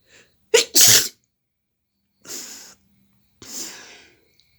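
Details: A sharp in-breath, then an explosive sneeze, followed by two hissing nasal blows; an ordinary sneeze with nose blowing.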